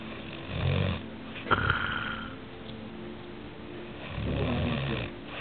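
Two low, rattling snores on inhaled breaths, separated by a quiet exhale, with steady room hum in the background.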